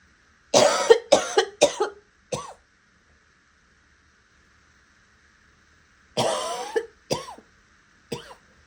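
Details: Two bouts of harsh coughing, about seven coughs in all, ranging from raspy to hoarse to wet with a few hints of barking, with a quiet gap between bouts; cough.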